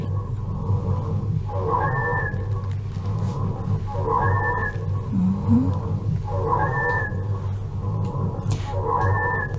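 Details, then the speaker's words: Simulated infant with acute bronchiolitis on a virtual simulator, earlier respiratory rate 50, SpO2 89%, grade II respiratory failure: tracheal sounds with harsh, noisy breathing and high whistling dry wheezes over all lung fields, about 25 breaths per minute. "На всей поверхности легких выслушивается жесткое дыхание, а также сухие, свистящие хрипы."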